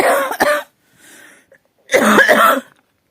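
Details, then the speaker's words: An adult with a cough that has lingered for nearly a week, coming and going, gives two loud, harsh cough bursts separated by a quieter breathy interval; persistent cough. "boğazımdan geçmeyen bir haftaya yakın oldum Her ne hikmetse yapıştı gitmiyor bir iyileşiyor bir geçiyor"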